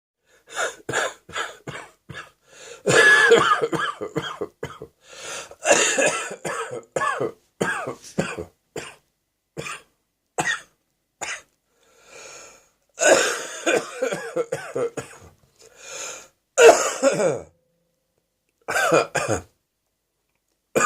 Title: Phlegmy morning cough